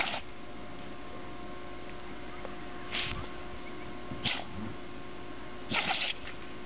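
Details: Sneezing from a puppy that got sand in her nose.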